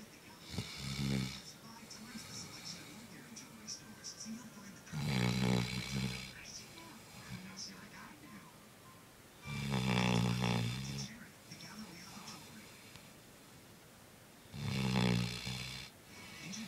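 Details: 8-month-old black Labrador snoring while sleeping: deep, low rattling snores every five seconds, about 12 per minute, over faint background music or television.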